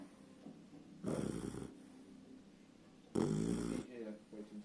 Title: puppy dog snoring